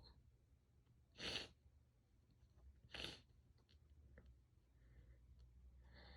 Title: sneezing, nose blowing and a bit of coughing (f)